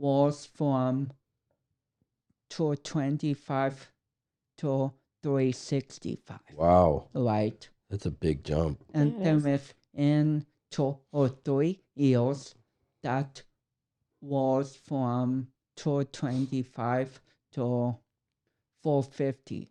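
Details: 32-year-old man with cerebral palsy affecting speech coordination and walking; dysarthria due to cerebral palsy.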